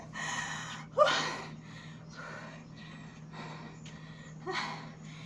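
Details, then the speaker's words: A person breathless after a brief counted exercise routine in the morning, with quick, audible huffing breaths and a sharp gasp, about six breaths in five seconds. "Hinihingal ako guys. Saglit lang po itong exercise na ito pero hinihingal na po ako guys."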